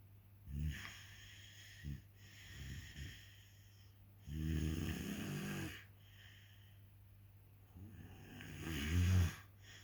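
Low rattling snores on each in-breath, about three cycles with quieter out-breaths and a steady background hum; typical snoring.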